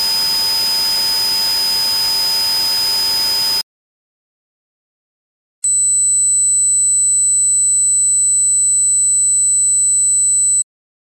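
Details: Simulated tinnitus: two steady synthetic tones, a hissy high ringing then a pure high whistle with low hum, from a set of ten tones of different waveform and frequency emulating common tinnitus.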